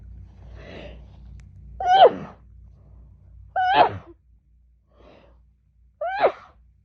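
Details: Woman in a rapid, muffled sneezing fit, sneezing all day since waking, suspected fall allergy season; three sharp, high sneezes in quick succession, each following a short breath in.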